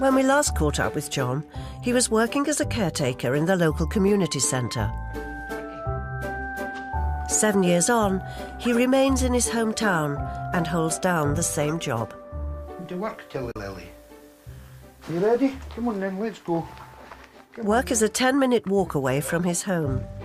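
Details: Adult narrator; Normal speech.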